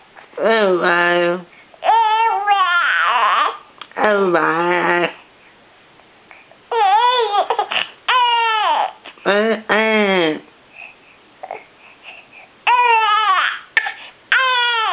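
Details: Baby with hiccups, also sneezing: repeated high-pitched wailing cries in bursts of a second or so, with short pauses and small catches between them; infant crying.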